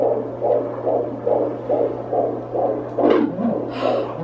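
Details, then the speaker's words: Fetal heartbeat on Doppler at a 17-week pregnancy doctor appointment: rapid, regular whooshing pulses about 140 a minute, with a scrape as the baby moves; normal-sounding fetal heart rate. "baby moving so we can hear the baby's heartbeat it's about 140 or before sounds good"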